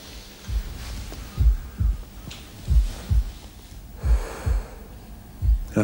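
Slow, deep heartbeat, about 46 beats a minute, with soft breathing in the background; a slow heart rate.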